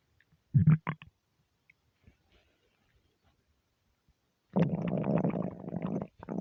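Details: Aggressive stomach rumbles, half hungry and half gassy from eating too much: short gurgles, then a long, low rumbling growl from the belly; borborygmi.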